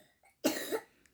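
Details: A single short, harsh cough from a young child who has a cough and cold, during an alphabet lesson in a quiet room with faint background sounds.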